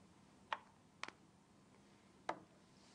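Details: Three faint, sharp clicks in a quiet room as a patient demonstrates a Nasonex nasal spray pump, used for allergic rhinitis (hay fever): nasal spray actuation.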